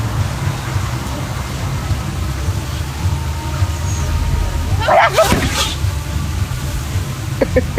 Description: This video shows an alligator sneeze, it's a rare recorded thing.